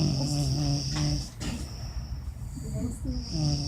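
Loud, low, rumbling snoring throughout, with several rough noisy breaths over a few seconds.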